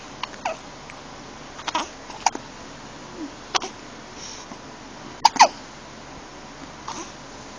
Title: Hiccups (1 month old)